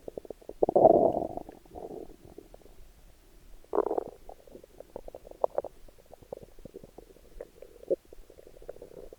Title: My Stomach Growling while in a Bikini. 🥰💕